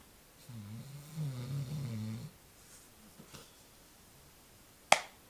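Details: One low, fluttering snore on an in-breath, then quiet breathing and a sharp click; a dog snoring during its nap.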